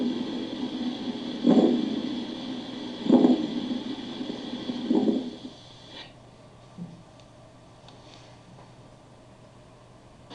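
Three harsh, creaking, grating bursts recur with breathing over a steady background hiss, then fade to quiet: a pleural friction rub.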